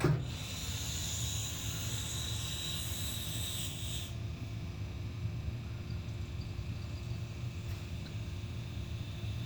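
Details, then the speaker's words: Vintage GOMCO surgical vacuum aspirator pump running during a post-repair test, with a quiet, steady low hum and rumble and faint hiss early on; the rate is adjustable and the pump is very quiet. "So I should be able to adjust the rate with this here. It's very quiet."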